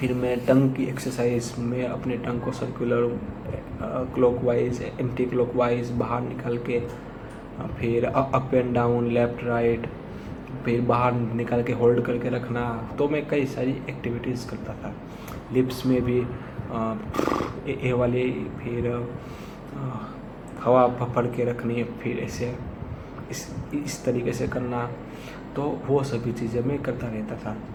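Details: Man who stammers, early sample before 60 days of practice exercises; his face shook while speaking, and vowel-initial words are hardest for him; stuttering.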